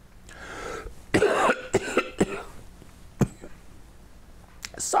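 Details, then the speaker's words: Adult man's brief coughing fit mid-recording from a dry, scratchy throat: several sharp, harsh coughs in quick succession with throat clearing between them, in a small room. "boy I really need to drink of water my throat is just really getting uh scratchy anyway don't you hate it when that"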